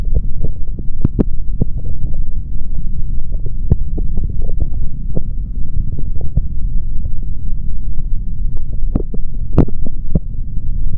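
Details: Male heartbeat through a stethoscope: muffled deep beats under a steady low rumble, with scattered scratchy clicks from the chest piece moving.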